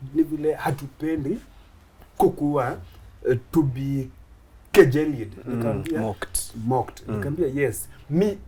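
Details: Adult Kenyan man, a comedian who began stammering in school; he stammers especially on plosive sounds and shakes his head when he stammers; stuttering.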